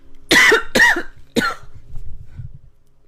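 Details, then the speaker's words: Adult woman with an uncontrollable, constant cough gives three forceful coughs in quick succession while talking, part of an ongoing coughing run; persistent cough. "I'm going to stop this video because I'm just coughing my whole way through it."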